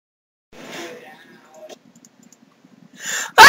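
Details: Unforced, spontaneous human sneeze: a soft breathy build-up and quiet intake, then a sudden loud sneeze burst.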